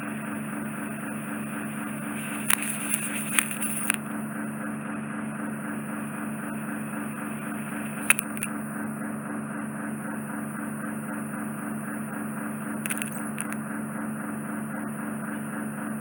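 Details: Ear microsuction noise, steady whirring hiss with sharp crackles and slurps, removing impacted ear wax lying directly on the eardrum, caused by cotton bud use; patient reports slight dizziness.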